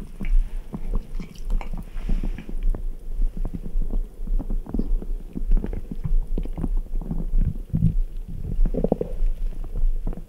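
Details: Continuous, brisk, frequent gurgling, bubbling and low rumbling from the belly after drinking ice-cold Red Bull: active bowel sounds.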